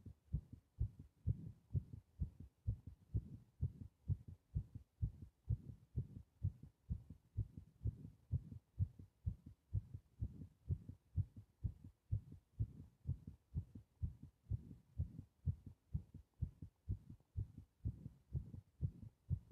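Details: Heart sounds during paper bag breathing: steady, regular, low heartbeats at about 64 a minute, with clear paired heart sounds.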